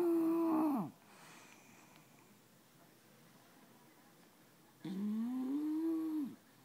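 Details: Resting bulldog lying on owner's lap: two drawn-out, whistling, whine-like snoring breaths about four seconds apart, with quiet room noise between.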